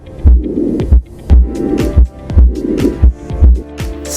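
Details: Adult male patient, nursing physical-exam demonstration with a stethoscope over the aortic, pulmonic, tricuspid and mitral areas. Regular paired heart sounds at about 57 beats a minute, with background music: normal first and second heart sounds.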